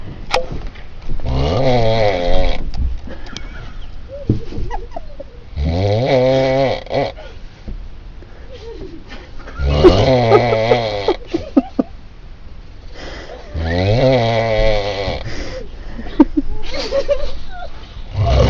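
Loud, rattling snores with a deep rough buzz on each breath, about four cycles over eighteen seconds, with quiet pauses between: snoring.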